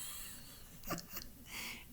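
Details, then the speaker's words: A sleeping dog, said to be dreaming and snoring loudly, gives a single rough, snorting breath rising briefly above quiet room noise; dog snoring. "you can't that's good but it's really loud she's dreaming sorry hey stop snoring I'm trying to read my book"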